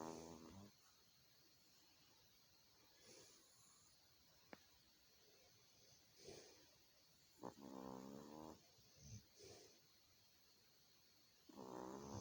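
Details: Sleeping pet in a quiet room snoring: soft, rhythmic snoring with short snorty bursts on breathing in.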